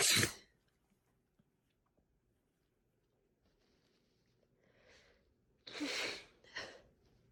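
A forceful wet sneeze at the start, then quiet breathing and two more sneeze-like bursts near the end; ordinary sneezing.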